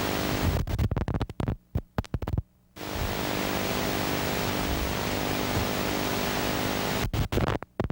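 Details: Normal insertion activity on needle EMG, teaching example.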